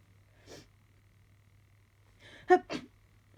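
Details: Person sniffly and sneezy all day, which they suspect is hay fever or allergies: a soft sniff, a pause, then a quick in-breath and two small stifled sneezes in a row.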